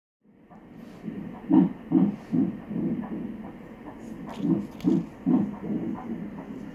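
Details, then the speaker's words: At about 7 weeks of pregnancy: rapid whooshing fetal heartbeat in bursts, roughly 140 per minute, heard on a monitor. "That's its heartbeat? Ja, that's my heartbeat."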